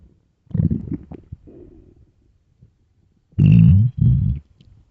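Loud, low gurgling growls in bursts from the abdomen; ordinary stomach rumbling of an empty, hungry stomach.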